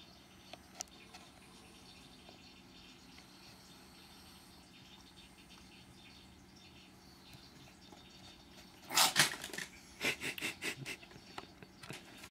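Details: Adult cat coughs when a kitten grabs its tail, startling the kitten, which crashes as it jumps away; cat cough.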